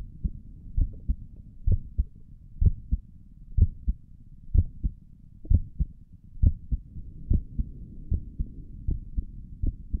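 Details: ASMR recording of the creator's own heartbeat through a stethoscope on the chest; steady paired lub-dub at about 62 a minute, even rhythm; stomach gurgles occur during the recording; normal heart sounds.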